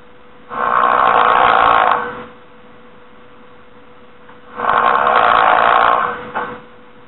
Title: This is how snoring sounds like and This is how it looks like